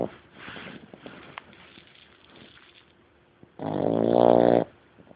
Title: Cute dog snoring